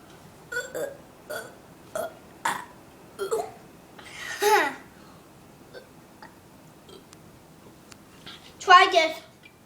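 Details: Person burping after chugging sweet apple cider: a run of short, voiced burps ending in one longer, louder belch.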